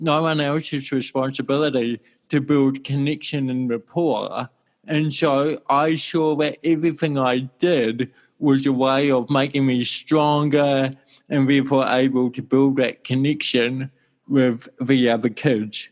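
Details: Adult male with cerebral palsy since birth in 1984; his walking and talking were affected from the start; dysarthria (cerebral palsy).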